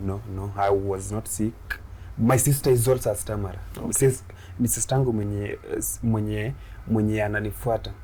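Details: Adult Kenyan man, a comedian who began stammering in school; he stammers especially on plosive sounds and shakes his head when he stammers; stuttering.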